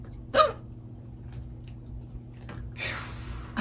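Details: A woman hiccuping while eating a meal: a single sharp, abrupt hiccup against quiet room noise, followed by faint breathing and rustling.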